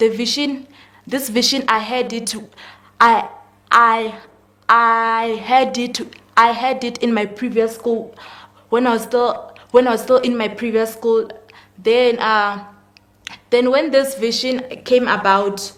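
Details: Male guest who confirms he has stuttering; stuttering.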